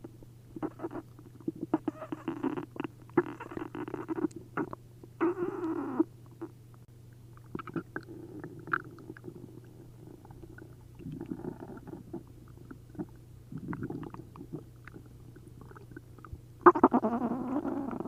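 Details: Upset stomach after drinking a liter of milk and a liter of prune juice: frequent bubbling and gurgling in bursts as liquid moves through the gut, giving loud hyperactive bowel sounds (borborygmi).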